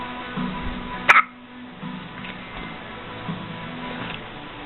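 One short, abrupt hiccup against steady background hum and faint music.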